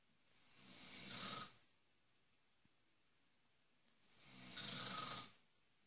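Two long, hissy snoring breaths about four seconds apart, with a quiet pause between, in a quiet room. Snoring.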